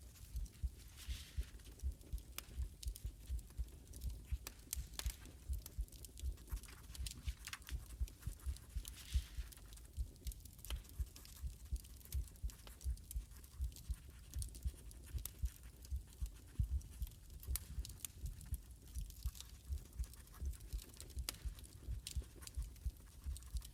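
Steady, muffled low heartbeat thumps at about 80 beats a minute, heard as if resting on a chest.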